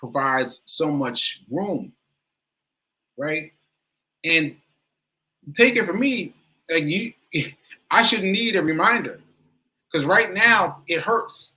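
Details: Adult with aphasia, which they say affected their speech more that day; aphasia.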